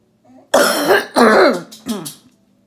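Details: Adult woman, an orthopedic surgeon recovering from COVID-19 at home, doing a phlegm-clearing exercise: three harsh, throaty cough bursts with a rough, wet edge after a short breath in; productive cough clearing phlegm.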